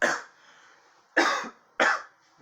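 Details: Friend coughing, said not to be COVID-19: three short, harsh, dry-sounding coughs in quick succession with quiet pauses between.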